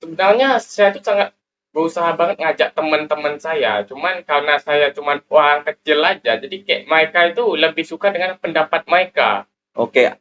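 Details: Indonesian high-school student and school council chair candidate who says he is 'cadel', unable to pronounce certain sounds, typically /r/, which the host confirms is audible; rhotacism (/r/ articulation error).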